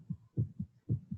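Soft low paired thumps of a heartbeat, lub-dub, repeating regularly over a short stretch.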